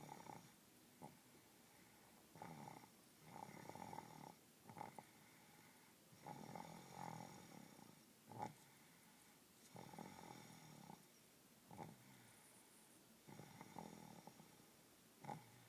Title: Snoring baby